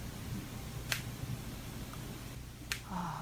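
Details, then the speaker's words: Real patient's knee sound: two sharp, brief "tak tak" clicks over a low room hum, knee crepitus typical of anterior knee pain (patellofemoral) clicking, contrasted with the grinding of meniscus tears. "요거 이제 뭔가 딱 딱 딱 딱. 예. 그런 느낌이 드는 거예."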